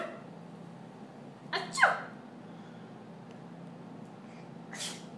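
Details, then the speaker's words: Fake sneezing by a young boy copying his mother: a quick intake and then a sharp burst, with a softer second burst a few seconds later. "god bless you she's fake it's fake sneezing god bless you god bless you bless you bless you are you fake sneezing bless you"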